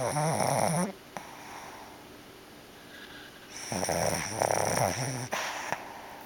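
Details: Sleeping pet dreaming, eyes moving: loud, rattling snores about a second each with quiet pauses between them; snoring.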